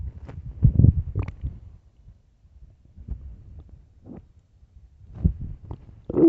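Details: Low, irregular gurgling rumbles in bursts with quiet gaps, recorded late at night; ordinary stomach growling (borborygmi).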